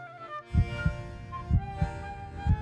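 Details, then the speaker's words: Heartbeat: steady paired heart thumps at about 60 beats a minute over soft string music, in an educational documentary on the heart as a pump. "the sound of a heartbeat is an affirmation of life it's a sign that every part of our body is being suffused with fresh blood"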